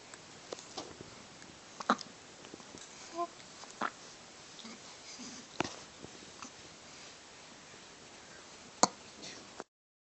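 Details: Quiet room with a few brief, sharp catching sounds at irregular intervals; hiccups described as the cutest ever.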